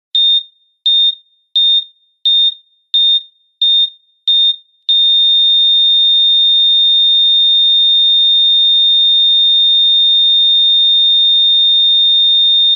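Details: Heart rate monitor sound effect: seven regular high beeps at about 87 a minute, then one continuous flat tone.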